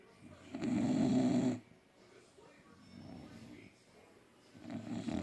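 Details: Loud, low, rattling snores from sleeping bulldogs with quieter breathing between them; ordinary snoring for a short-nosed breed.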